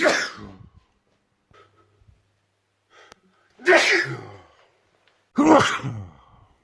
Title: World Loudest Sneezes